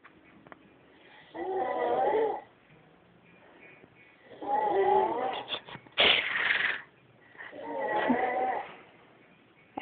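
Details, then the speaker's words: A dad napping on the couch, snoring loudly enough to make the napper beside him stir: three loud, rattling snores about every three seconds, with a sharp snort and faint background music. "think Daddy snoring is going to wake her up soon"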